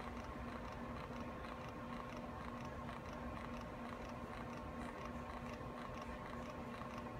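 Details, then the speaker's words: Braun Vista IV infusion pump priming 10 mL through its tubing, with the roller clamp open, not connected to a patient, in a saline-bag demonstration: steady low mechanical hum with faint rhythmic ticking. Normal priming sound. "make sure your roller clamp is unclamped and we're going to let it Prime the full 10 MLS"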